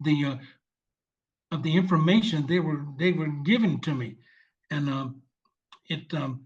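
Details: 74-year-old male veteran with aphasia from a stroke 7 years ago, initially unable to read, speak or write, now speaking non-fluently with repetitions; aphasia.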